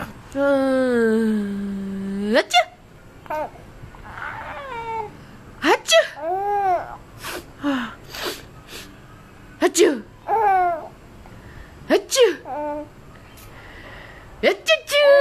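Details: An adult with flu makes about five playful pretend sneezes to amuse an infant, each a drawn-out breath ending in a sharp burst, while the infant coos and laughs.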